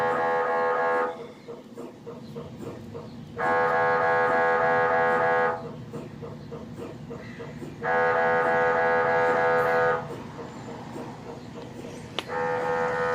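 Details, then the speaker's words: Mobile MRI trailer in a hospital parking lot, recorded from outside while a man is scanned to check a mass on his brainstem; loud steady droning blocks alternating with rapid tapping pulses, like keyboard typing: MRI scanner noise. "kinda sounds like somebody playing on a computer keyboard okay so that's what the sound of an MRI machine is now you know"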